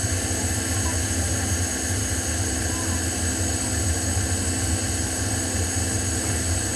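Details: Omron compressor nebulizer running with medication vial, demonstrated for an adult with bronchitis and breathing difficulty (used for asthmatics); steady low droning motor noise with faint hiss as mist flows through mouthpiece.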